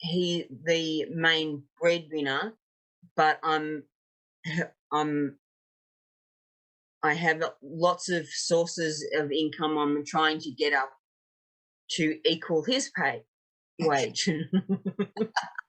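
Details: 56-year-old woman, a real stroke survivor, with aphasia after an ischaemic stroke 10 years earlier and a later TIA; aphasia.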